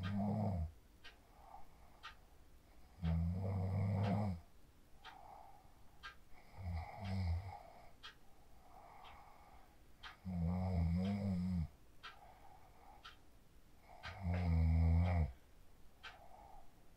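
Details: Phone recording of a sleeper after practicing the 4-7-8 breathing technique: low, vibrating snores about every four seconds with quieter breathing and room noise between; regular snoring during sleep.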